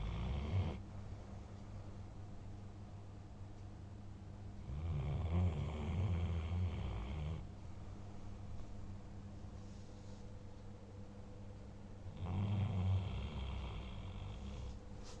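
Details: German Shepherd dog, tired after a busy day and a full meal, snoring while asleep: low, rumbling breaths lasting a couple of seconds each, repeating about every seven seconds over steady room hum.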